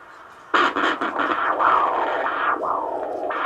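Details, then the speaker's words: Normal arterial Doppler foot pulse checked by Doppler during a foot exam: loud, rhythmic whooshing pulses of blood flow to the foot, strong; the measured pressure over 180 was said to indicate hardening of the artery. "That's the blood flow to your foot. Nice and loud, nice strong heartbeat."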